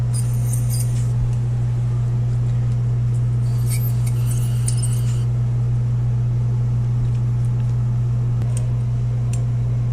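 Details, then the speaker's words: Ultrasonic scaler removing tartar during feline dental cleaning under full general anesthesia: steady loud low hum with faint high scratching and clinking. "this is an ultrasonic scaler so it vibrates quite rapidly and it's going to remove all of this charter build-up that you see here and then we'll also do a hand scaling but you can see it just removes it quite nicely"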